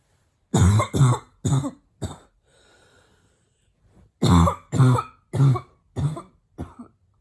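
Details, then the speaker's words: Female voluntarily attempting a barking cough with her mouth closed; the coughs are hard and she finds it hard to keep her mouth shut. Simulated barking cough. "it's hard to keep my mouth closed when the coughs are so hard"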